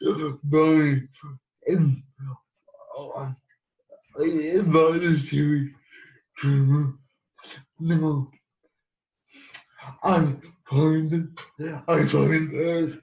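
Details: Adult man living with cerebral palsy; dysarthric speech (cerebral palsy).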